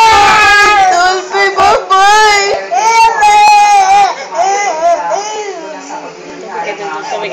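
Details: Infant crying in loud, sustained wailing bursts with pitch rises and breaks; ordinary infant crying.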